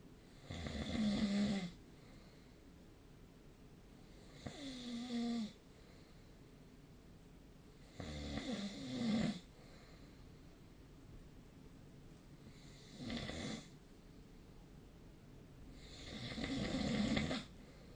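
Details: Snoring during sleep recorded with the SnoreLab app: repeated rattling snores, about 8 per minute, with quiet pauses between breaths.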